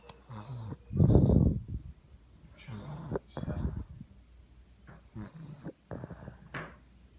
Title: Intense pug snoring